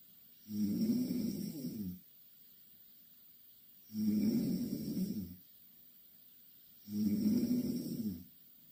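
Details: Three even, rumbling snores on breathing in, about 20 a minute, with silent gaps between. Snoring.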